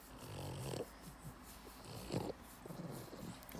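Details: Tired, sleeping female small animal snoring: short, irregular snorting snores with soft rattling breaths.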